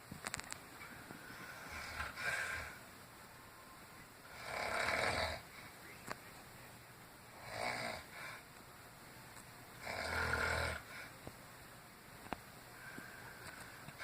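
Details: Grandmother heavily snoring, loud rasping snores about every two and a half seconds with quiet gaps and faint room noise: snoring.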